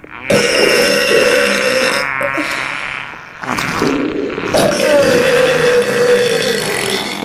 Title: Stomach Sound With Burps And Farting